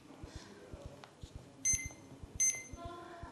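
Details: Legacy PCA morphine pump being programmed from a prescription while doses per hour and lockout are entered: two short high-pitched keypad beeps over soft tapping.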